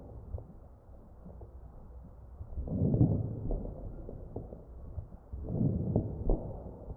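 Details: Real ventilated patient's chest: crackles.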